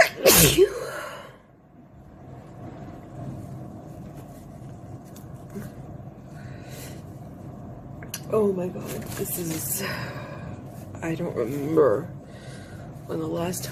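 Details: Close-up sneezing induced by nasal Q-tip tickling: one sharp sneeze at the start, then quiet room noise with brief faint sounds and background talk.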